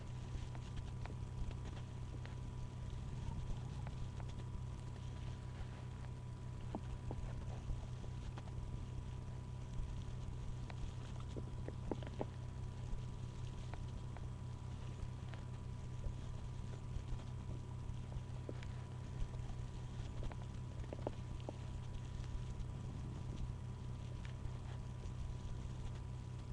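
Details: Faint low gurgles and soft clicks from an adult's belly under a steady low hum after drinking apple juice; bowel sounds (borborygmi).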